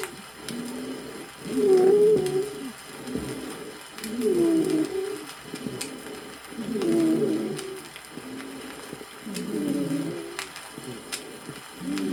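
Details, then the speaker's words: High-pitched musical whistling dry wheezes recurring with each breath, about 23 a minute, in bronchial asthma, best heard on expiration; 1964 USSR vinyl teaching record of auscultation. "высокие свистящие хрипы бронхиальной астме лучше выслушиваются на [музыка]"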